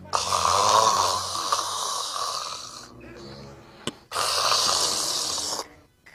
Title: what kinda of snore was that 🤷‍♀️🤣 #funny #comedy#goviral